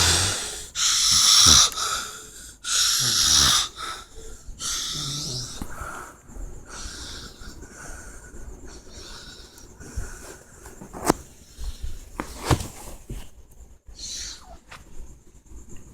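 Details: Loud, harsh inhaled snores with a whistling edge at first, then quieter noisy breaths, about 30 a minute; snoring.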